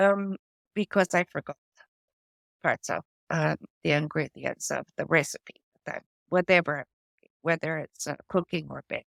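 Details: Adult woman with post-stroke aphasia from a stroke affecting her brain's language area, with word-finding difficulty: words drop out mid-sentence and she substitutes old-fashioned or inappropriate words. She also reports foreign accent syndrome: aphasia.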